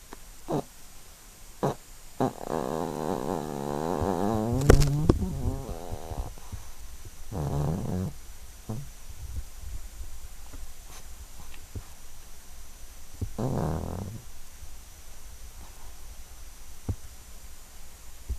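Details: A 12-year-old Yorkshire terrier asleep and dreaming gives soft rumbling snores and snorting breaths, with brief whimpers and twitch sounds in a quiet room.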